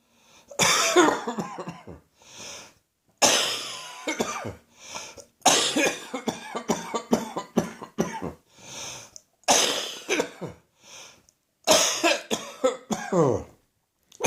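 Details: Persistent cough that will not go away, recorded in the morning: several runs of harsh, rapid coughs separated by gasping in-breaths, a sustained coughing fit.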